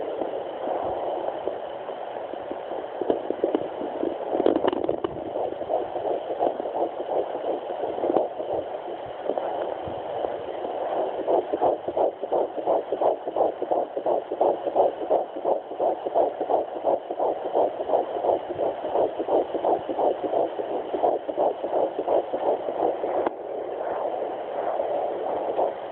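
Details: Twin fetal heartbeats at 10 weeks 3 days on a Sonoline B handheld fetal Doppler, found near the pelvic bone: rapid, regular whooshing at about 170 beats a minute amid static.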